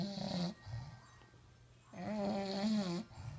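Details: Sleeping bulldog giving two drawn-out, droning nasal snores with a quiet pause between them; snoring.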